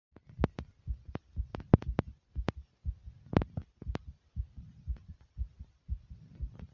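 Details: Person's heart racing at about 120 beats a minute after jumping in place for a few minutes: rapid, regular thumps, exercise-induced sinus tachycardia.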